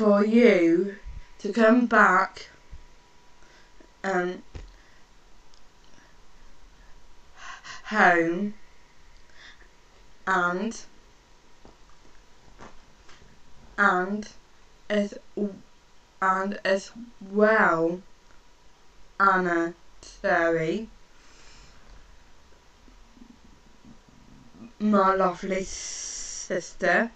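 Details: Woman with a stammer, with repetitions and long pauses while talking to her sister; stuttering.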